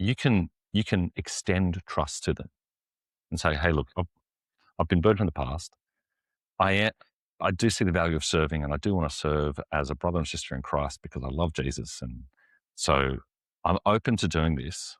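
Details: Adult man, an executive pastor who lives and ministers with a stutter; stuttering.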